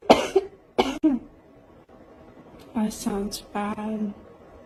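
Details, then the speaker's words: Adult woman who smokes gives a few harsh, rough coughs, then brief voiced sounds; smoker's cough. "my lungs are telling me hey do you need a cigarette oh I would kill for a cigarette and coffee right now ouch"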